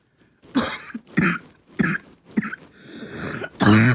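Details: Barking cough in a child: five harsh, hoarse cough bursts with a noisy breath drawn in before the last one.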